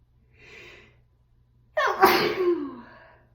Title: Sneeze and a nose blow